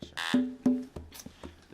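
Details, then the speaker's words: Fetal acoustic stimulator used during labor to get an inactive baby moving: short buzzing tones from the handheld device. "Because Martha's baby has been inactive. Her doctor is using an instrument called an acoustic stimulator to get him moving."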